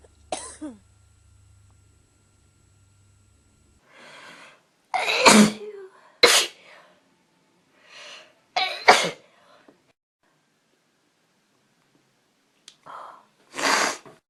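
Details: Person allergic to dust, sneezing in a dusty room (unsure if it may be a cold): a run of about eight sharp explosive sneezes, some preceded by an in-breath, in a quiet room; allergic sneezing.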